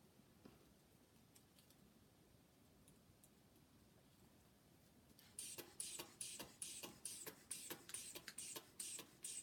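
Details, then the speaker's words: Manual sphygmomanometer blood pressure on one arm during an ambulance secondary assessment of a patient found lying apparently unresponsive: steady hissing squeezes of the cuff bulb inflating, reading 130/92. "his blood pressure is 130 over 92 I'm going to continue my assessment the other arm"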